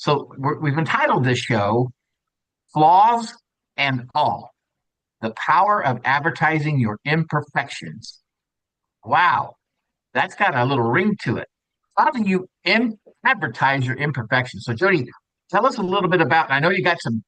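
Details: Adult male speaker; typical speech.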